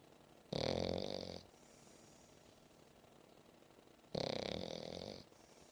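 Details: Seven-month-old female English bulldog asleep on a lap after playing, snoring: two long, loud, rasping snores with a whistling edge, separated by quiet breathing.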